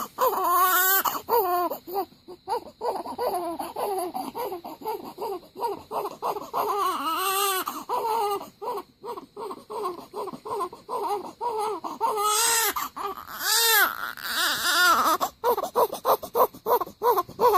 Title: Day15 Newborn Baby Waking Up makes Cute Sound & Faces, and Crying